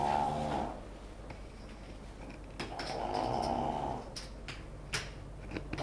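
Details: A friend's super loud, rough snores at the start and again mid-clip, with small clicks and room noise between; heavy snoring.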